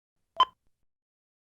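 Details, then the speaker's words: Single short, bright electronic chirp from a HeartStart MRx monitor/defibrillator: with a solid red X, periodic chirps signal a detected failure that may prevent defibrillation, pacing or ECG acquisition; device-failure alert. "indicate a failure has been detected that may prevent the delivery of defibrillation therapy pacing or ecg acquisition"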